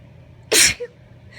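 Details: Female with allergy sneezing after visiting a pumpkin patch, sitting in her car: a single sharp, hissing sneeze followed by a short vocal catch; the recording mixes stifled and full sneezes.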